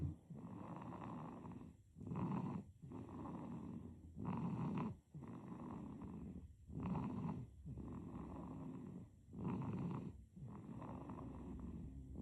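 Soft, rhythmic, rattly snoring with each breath, about 24 breaths a minute, during sleep.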